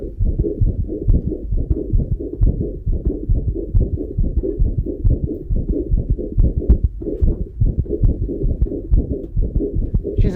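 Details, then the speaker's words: Cat with systolic anterior motion of the mitral valve: rapid heartbeat with a harsh, rasping systolic murmur filling each systole, a dynamic outflow obstruction murmur. "I just briefly play the sound of a a cat with systolic anterior motion."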